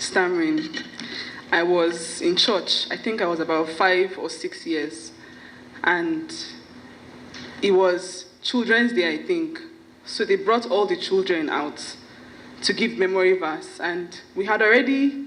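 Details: Adult woman with familial stuttering (parents and sisters also stammer), with onset at about age five or six; finding: stuttering.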